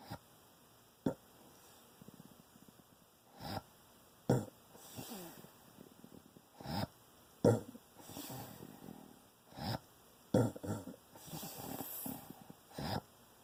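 Irregular wet, gurgling snorts and sniffs about 19 a minute from a sleeping pet; noisy snoring.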